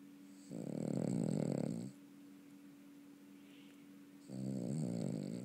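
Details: Dog named Honey snoring: two long, rattling snores with a quiet pause between them; ordinary snoring.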